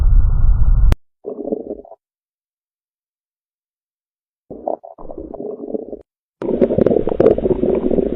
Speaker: let's learn bow sounds together make sure to save these for your next exam